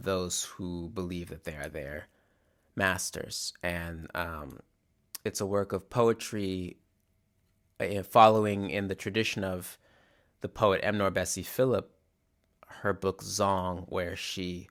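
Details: Adult male musician who stutters, describing his stutter as glottal blocks that often sound silent rather than repeated syllables; stuttering with silent glottal blocks.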